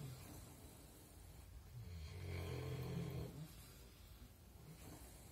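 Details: Sleeping pigs snoring: a low, rumbling snore that swells and fades over a few seconds against steady background noise; snoring.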